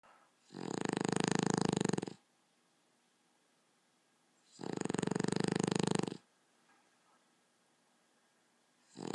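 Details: Person's own snoring during a seizure-free night: long, loud, harsh snores about every four seconds, each over a second, with quiet pauses between.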